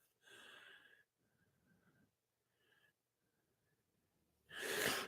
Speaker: Do you hear that dog laying back here snoring?